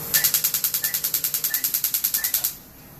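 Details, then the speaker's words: Rapid, even, crackling pops, about ten a second for two and a half seconds, like a popcorn popper or helicopter: a dental laser firing with water and air spray, shown before a drill-free filling. "and the laser when it works there's a lot of water that comes out with air and it sounds like a popcorn popper or a helicopter so just to show you what it sounds like it's gonna sound like this"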